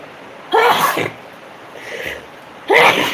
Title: Allergy sneezing fits